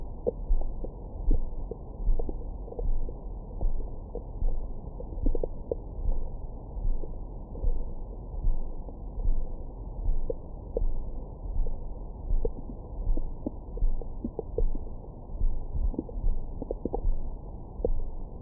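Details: Low rumbling with frequent brief gurgles and squeaks from the abdomen, recorded with a Stemoscope stethoscope microphone after a large meal for ASMR; described as underwater-like: active bowel sounds, stomach growling.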